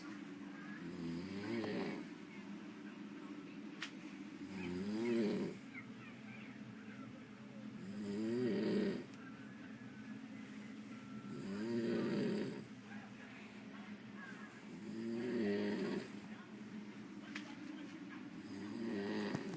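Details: Loud, regular snoring, about 17 breaths a minute, each in-breath a rough rattling snore over room hum, from a man asleep at 6 p.m. a few hours after boarding a cruise ship; snoring.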